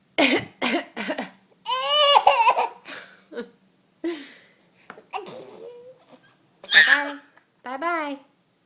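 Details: Nine-and-a-half-month-old infant boy mimics coughing as a new trick: quick run of short, dry cough-like bursts mixed with voiced babbling and laughter: voluntary cough.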